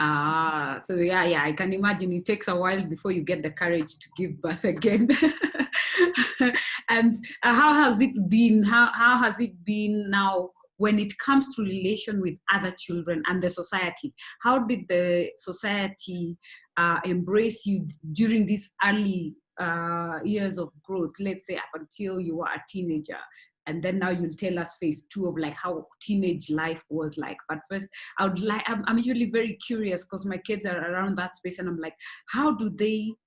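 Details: Adult speaker; normal speech.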